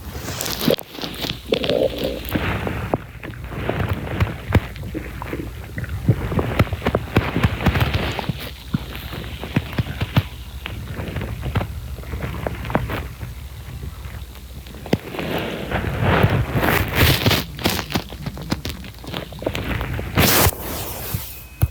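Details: Stomach growling (borborygmi) from an adult woman's abdomen while watching videos: irregular low gurgling and rumbling.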